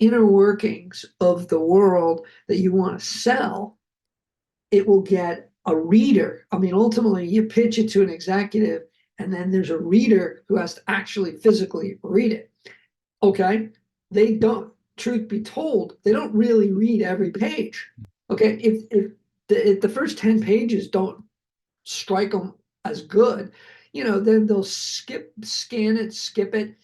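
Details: Adult man who survived a heart attack and has aphasia, speaking spontaneously; mild aphasia with word-finding difficulty.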